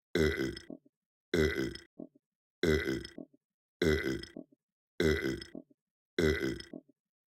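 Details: Simulated burping, a performed imitation for a puppet: six evenly spaced, loud, voiced belching sounds, each with a short tail, about 50 a minute.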